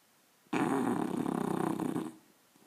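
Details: English bulldog puppy snoring hard while asleep, one loud, rattling, growl-like breath lasting over a second; owner says it snores this loudly every time it sleeps.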